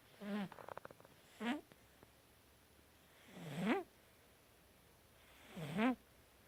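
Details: Cat snoring in sleep: soft rhythmic squeaky, whistling snores, about 28 a minute.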